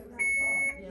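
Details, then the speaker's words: Simulated IV demo: infusion pump occlusion alarm after secondary 1 g vancomycin 250 setup, a steady high-pitched electronic tone about half a second, screen reading occluded patient side, meaning a blockage on the tubing between the pump and the patient. "now what is it saying fluid side so if it says occluded fluid cycle you know it's something above this"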